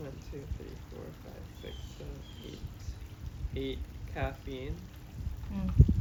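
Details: Adult man with expressive aphasia plus oral apraxia and right-sided paralysis after a hemorrhagic stroke at age 27, recorded after 1.5 months of intensive speech therapy; counting aloud while attempting a word.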